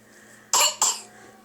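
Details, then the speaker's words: Young child's real cough after fake-cough play: two quick, sharp cough bursts heard close up in a quiet room. "oh here comes a cough again oh that was a real one"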